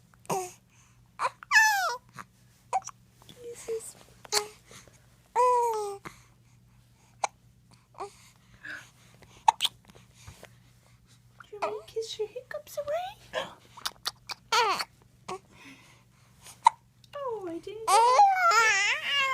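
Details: Infant's morning hiccups while mother gives kisses: repeated short, sharp catches in breathing mixed with babbling and fussing.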